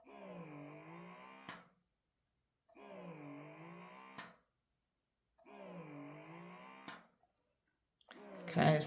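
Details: Mummed wearable breast pump during noise testing: steady repeating cycle of a soft rising hum of about 1.5 seconds, a brief click, then a pause; average 36.4 dB, maximum 63.3 dB.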